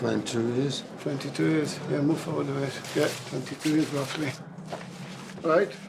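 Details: Man, 55, four months after a devastating stroke with right-sided weakness, in rehabilitation; barely able to speak, no fluency, hunting for words; non-fluent aphasia.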